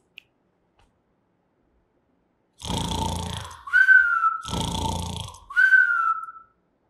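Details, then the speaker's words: Snoring, a sound some people make while sleeping, likened to a little pig, presented as an example of body sounds for young children. "que isso Tá parecendo um porquinho hein é um Ronco este som algumas pessoas fazem quando estão dormindo"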